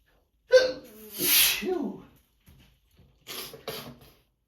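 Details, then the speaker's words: Person with seasonal allergies, a morning sneezing fit into tissues: voiced, drawn-out sneeze with a hissing burst, then two quick smaller sneezes; repeated allergic sneezing. "These allergies. Been giving me a rough time this year. It's gonna be another long day."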